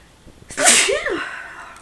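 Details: Woman who sneezes every morning on waking: a quick in-breath, then one loud explosive hissing burst with a voiced tail; a single forceful sneeze.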